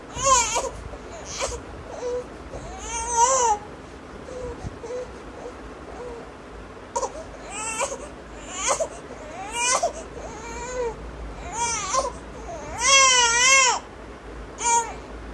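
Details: A 2-month-old infant cries in repeated short wails with rising and falling pitch, separated by quieter fussing.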